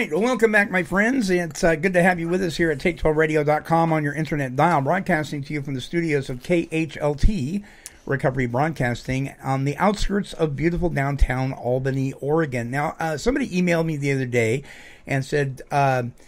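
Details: Adult male speaker; normal speech.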